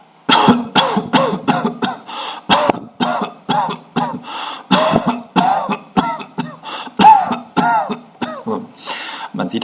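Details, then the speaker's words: An adult deliberately imitates a rapid run of short, dry, hacking coughs with no rattle, as a simulated dry cough for a real-time dry cough detector demonstration. "Jetzt kann ich mal ein paar Husten-Episoden einsimulieren."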